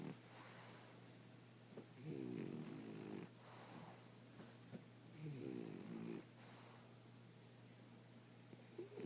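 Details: Nightly snoring on the eve of a nose operation and what is described as losing his manhood: soft, fluttering snores with each breath, roughly every three to four seconds, over a low room hum.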